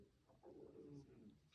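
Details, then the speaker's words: Low, faint one-second rumbling gurgle from an adult woman's stomach as she speaks; ordinary stomach growling (borborygmi). "Oula, j'ai mon ventre qui gargouille. Désolée si vous l'avez entendu."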